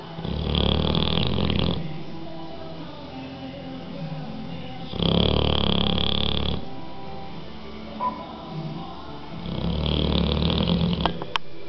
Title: bulldog bikkel snoring